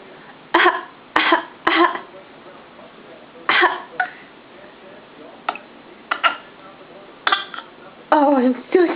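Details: Young child on request gives several short, forced coughs, a deliberately imitated voluntary cough rather than an illness cough.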